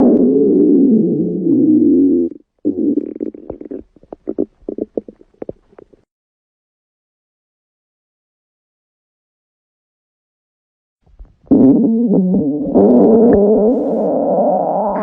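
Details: A girl's stomach gives low drawn-out rumbles and bubbling gurgles, ordinary bowel sounds of digestion or hunger: stomach growling (borborygmi).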